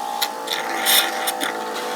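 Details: Suction machine running during an oral suctioning demonstration. It is switched on and tested with water before suctioning the mouth: a steady motor hum with short bursts of hiss.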